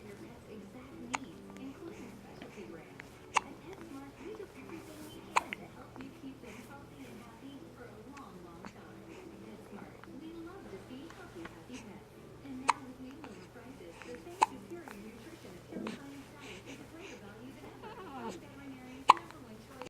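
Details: Person with hiccups; sharp, abrupt hiccups, about six over twenty seconds, at irregular intervals, with soft talking and whispering between them.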